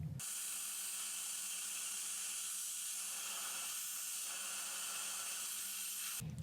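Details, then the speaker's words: Dental implant drill, a steady high-pitched hiss for about six seconds: 2.2 mm drill, preparing the bone site after tooth extraction, placed without cone beam; 14 mm depth gives 12 mm in bone; radiograph taken every drill or two. "so here we go this is the 2.2 then I'm going to go to 2.8 and I'll usually take a radiograph either every drill or every two drills"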